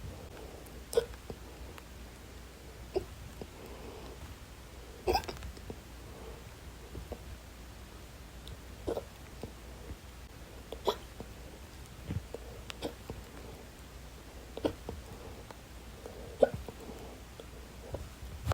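Brief sharp gulping clicks recur every one to two seconds, about ten in total, in a quiet room: hiccups.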